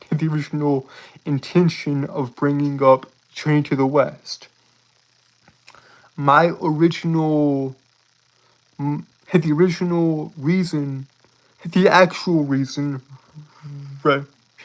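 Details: Man with a self-reported speech impediment; speech disfluency (speech impediment).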